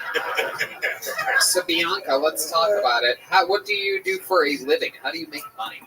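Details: Adult male talk-show host; normal speech.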